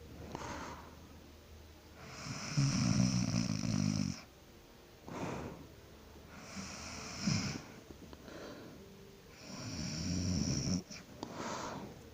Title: Snore last night♥